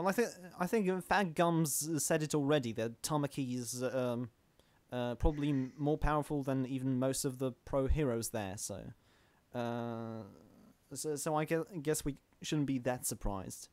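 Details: Adult man who stammers, recording while standing to reduce stomach muscle tension; stuttering.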